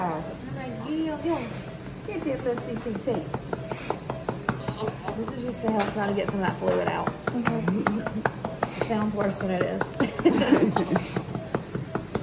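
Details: Baby girl's first cries just after a scheduled C-section delivery at 39 weeks under spinal anaesthesia: repeated high, wavering newborn cries with clicks and room noise in the background.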